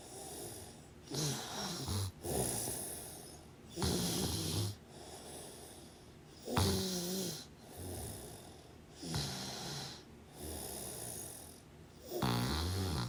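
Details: Sleeping person: loud, rattling snores on each in-breath, about six in thirteen seconds, with quieter out-breaths between them; ordinary snoring.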